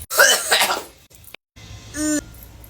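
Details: Harsh, raspy burst of coughing after inhaling vapour or smoke, followed by a brief tonal vocal sound.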